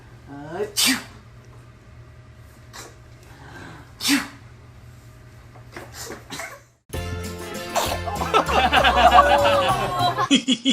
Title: Lovely and Cutest Baby Sneezing- Babies and Animals